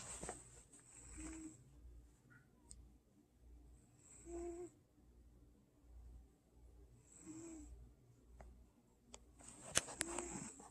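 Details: Old cat snoring softly and rhythmically while asleep, a snore about every three seconds (roughly 20 breaths a minute), with a few sharp clicks near the end.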